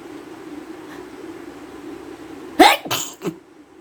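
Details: Steady background hum, then one forceful sneeze with a sharp burst and a short trailing exhale; a single sneeze during a sneezing challenge with nose blowing.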